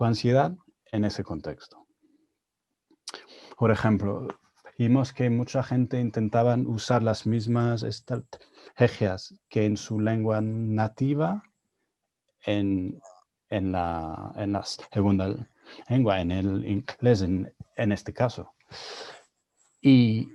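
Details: Adult man with real stuttering speaking Spanish, his second language, learned after moving to Spain at 22; he reports his stuttering was more severe in Spanish while learning it; stuttering.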